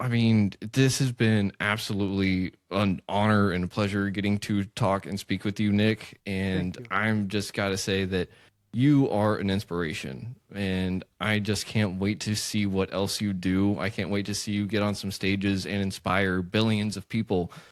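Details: Adult man speaking; typical speech.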